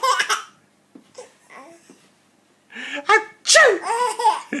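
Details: Father's playful mock sneezes ("achoo"), not true sneezes, with his 4-month-old baby laughing: a burst of imitation sneezing followed by repeated bright infant laughter.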